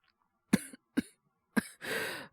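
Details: Acted cough by a male voice actor playing a boyfriend with a cold, just after crying over a movie: three short, dry coughs followed by a breathy exhale.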